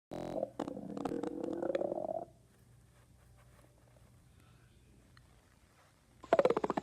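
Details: Two bursts of bubbly, gurgling rumbles, the first rising in pitch, separated by a quiet stretch, heard while someone listens: ordinary stomach growling (borborygmi) from gas and fluid moving through the gut.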